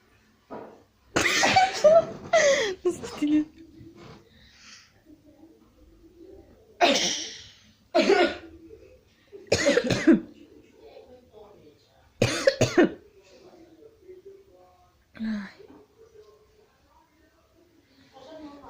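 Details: A child playfully imitating a cough: several loud, forced bursts separated by pauses, with voiced sounds between them; not a real cough.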